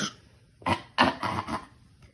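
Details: Young child being taught to fake cough: a few short, deliberate voluntary cough bursts, not from illness.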